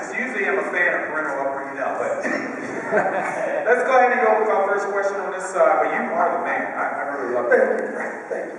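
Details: Adult male speaker over a hall microphone; normal voice.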